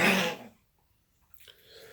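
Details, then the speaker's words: A single sharp, harsh cough, then near silence, from a small sick pet pug in the background: dog cough. "That's my daughter's little dog. He's sick, so you'll hear him coughing in the background."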